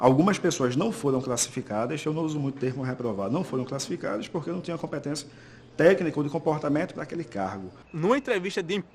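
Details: Adult male speaker; Fluent speech.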